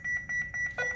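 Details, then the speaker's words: Defibrillator charge tone: rapid repeating electronic beeps ending in a steady tone as the unit charges while the charge button is held, reaching 270 joules when a red light shows before discharge; hospital defibrillator demonstration. "इसको दबाए तो charge होना शुरू हो जाएगा दबा के रखना है आपने यहां पर आपको चार्ज होता हुआ बता देगा जब 270 जस पर पहुंच जाएगा यह रेड लाइट हो जाएगी"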